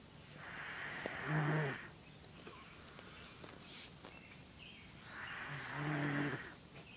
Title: Kia snoring